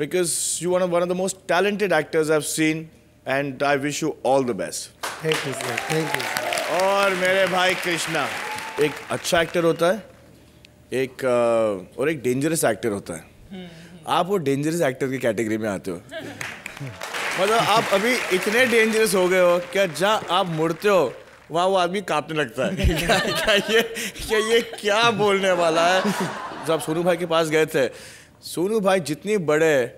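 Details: Adult male speaker on a stage; normal speech.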